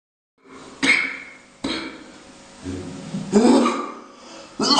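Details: Several harsh coughs and throat-clearing sounds in a small room, some with a rough, drawn-out tail.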